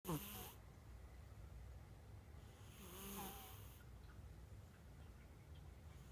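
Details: Cat with a squashed nose, usually a loud snorer, snoring lightly today: soft, rasping snores with each breath over a steady background hiss.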